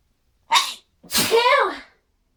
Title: Very loud sneezing with buildups